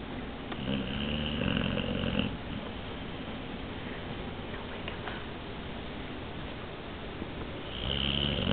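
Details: Rough, buzzing snores, loudest at the start and end, from a sleeping boxer dog with his eyes open, over steady room noise; snoring.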